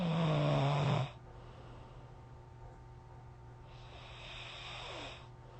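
A loud, rough snore on the in-breath, then a quieter breath a few seconds later; ordinary snoring in sleep.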